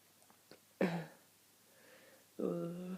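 A sharp single cough followed by a voiced throaty sound in a quiet room: a cough.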